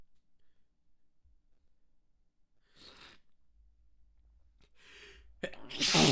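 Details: Short sneeze fit: a breathy inhale, then two or three short sneezes in a quiet room, the last one loudest.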